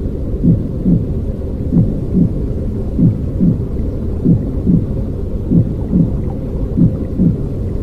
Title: ♥ 1 horas de ruido blanco para dormir bebé 👶 sonido intrauterino con latidos tranquilos